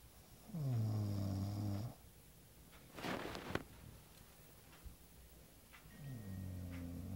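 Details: Person snoring: two loud, low, rattling snores on breathing in, with a quieter noisy breath between them; ordinary snoring.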